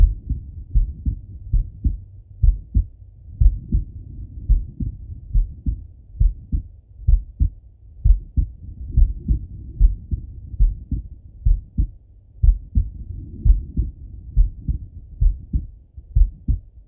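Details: Normal heart sounds of a male lying on his left side, via stethoscope: regular low lub-dub, about 80 beats a minute, no added sounds standing out.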